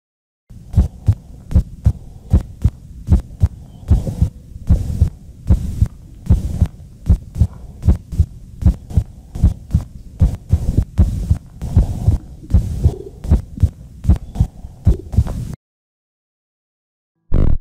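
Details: Animal heartbeat from a lab exercise, species not stated: regular low thumping heartbeat at about 77 beats a minute with a steady background hum.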